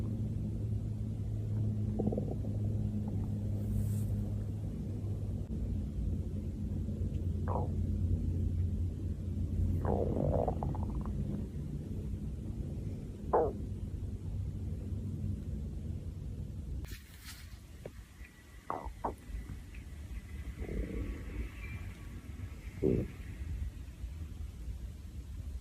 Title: Stomach Growling Vol 4